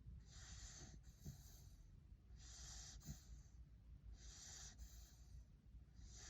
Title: Snoring puppy